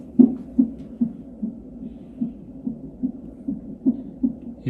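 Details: Fetal heart sounds recorded on an electronic fetal monitor (Doppler) during a non-stress test, with uterine contraction monitoring; normal fetal heart rate range stated as 120–160.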